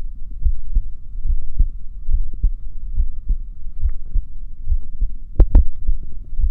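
Deep, regular thumping heartbeat of about 70 beats a minute over a low hum, with a brief louder knock near the end.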